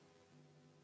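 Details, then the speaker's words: Opening snap of mitral stenosis: low heart sounds with a sharp, snappy, knocking extra sound after S2, later than the gap of a split S2 but earlier than a third heart sound. "في لها كاركترستيك تانية، وهي إن السناب اسم على مسمى، يعني سنابي يعني بالطرقة. نسمع بقى opening snap."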